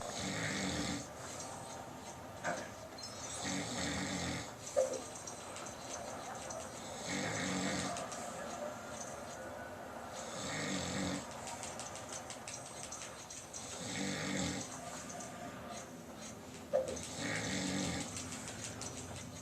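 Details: Adult man who denied snoring, recorded asleep: rhythmic rasping snores at roughly 18 breaths a minute, each inhalation rattling, with quiet exhalations between.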